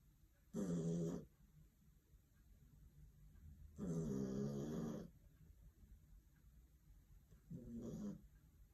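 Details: Sleeping dog snoring very loudly: three loud, rough, rumbling snores in under nine seconds, each about half a second to a second long, with quiet gaps between.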